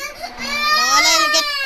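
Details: Young child crying: a sustained, wavering cry rising and falling in pitch.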